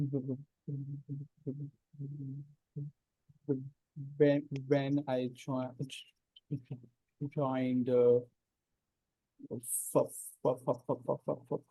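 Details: Man hosting a stammering practice circle, himself a person who stammers, in natural speech before a voluntary stammering demonstration; audible word repetitions; stuttering.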